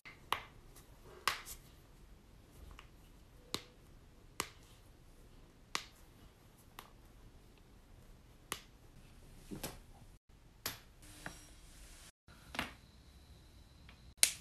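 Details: About a dozen sharp, isolated pops at irregular intervals in a quiet room: continuous joint cracking (crepitus).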